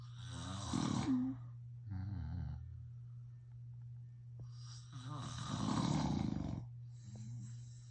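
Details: Adult man (a father) asleep, snoring: loud, rough, rattling snores repeating over a steady low background hum.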